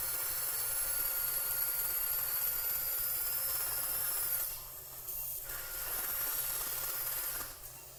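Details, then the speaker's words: Dental implant osteotomy with a contoured pilot drill, followed by a 2.3 mm pilot drill taken to 16 mm; 3 mm gingival thickness; 13 mm tapered implant planned between central incisor and cuspid. Steady high-pitched drill whine with brief dips. "so that's utilizing our contoured pilot drill the next drill we only use is a 2.3 millimeter pilot drill and you can see we've taken it to 16 millimeters"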